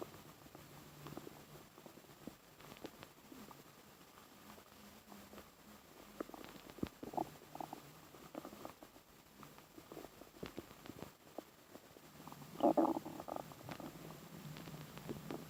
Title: Listening to my Baby Stomach Growl